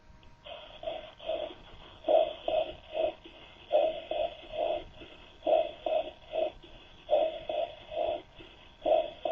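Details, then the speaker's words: Patient with whispered pectoriloquy whispering "33", heard through the chest wall clearly and distinctly in short groups, following a normal patient's whispered "33"; whispered pectoriloquy. "escuchemos a un paciente diciendo 33 en voz baja ahora escuchemos a un paciente con pectoriloquia fona pronunciando la misma palabra"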